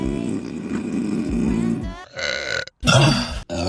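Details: Female burping from a compilation: a long, low, rumbling belch followed by shorter throaty sounds.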